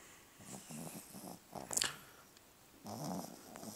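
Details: Irregular snorting, rattling loud snores with short gaps from a sleeping Pug–Boston Terrier mix, noisy breathing typical of short-nosed breeds.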